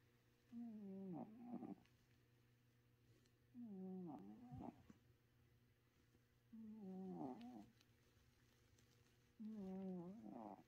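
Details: A cat snores in four slow, rhythmic bursts at about 20 breaths a minute, each a wavering, buzzy tone on the in-breath, with quiet pauses between; cat snoring.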